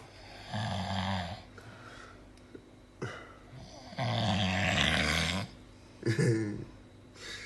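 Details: Man passed out asleep after drinking Jägermeister: loud, rattling snores on breathing in, with quieter breaths between, about 14 breaths a minute; heavy snoring.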